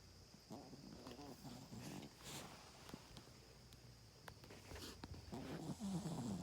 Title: Cotton snoring